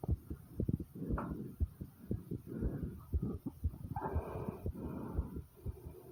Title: Stomach and Pounding Heartbeat Sound ❤